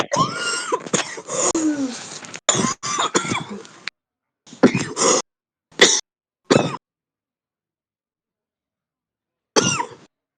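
Repeated harsh, forceful coughs come in clusters with throat clearing between them; a deep, chesty smoker's cough.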